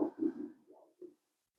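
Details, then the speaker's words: Arterial Doppler flow signal from the ulnar artery, diameter 3.0 mm, during preoperative Doppler ultrasound mapping of the arm for a hemodialysis arteriovenous fistula; brief pulsing whooshes of normal forward flow, peak systolic velocity about 49 cm/s. "ajustamos la escala y aquí tenemos el pico velocidad sistólico como veis aquí de 40 49 cm por segundo"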